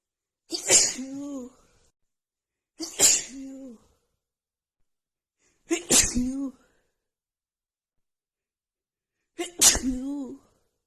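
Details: Female with a head cold and blocked nose, after sniffing a tiny bit of black pepper, has a run of repeated sneezing: four sharp, forceful sneezes with brief voiced cries, a few seconds apart in a quiet room.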